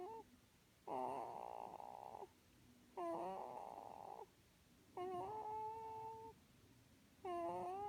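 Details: Person snoring while sleeping with grandmother: long, whistling, tonal snores with rising and falling pitch, about four in eight seconds, over quiet room noise.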